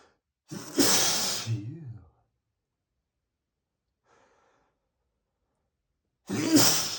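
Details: Repeated sneezing in an adult male with a perfume allergy, right after spraying perfume: two forceful, breathy bursts with voiced trailing sounds, separated by silence.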